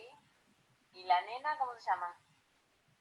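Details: Young boy with typical developmental disfluency, adding interjections and sounds without tension; normal developmental disfluency.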